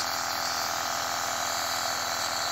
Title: 3 years old baby with flu enjoying self inhalation with nebulizer